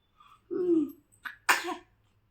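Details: A drawn-in voiced 'ah' followed by a sharp explosive burst of air: a single sneeze.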